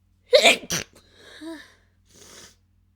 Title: stifled chhinkni sneezes